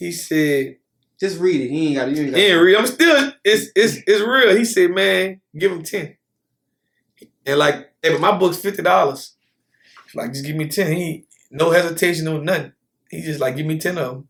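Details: Adult man with lifelong stuttering, could barely get words out until age 18, still ongoing. Stuttering.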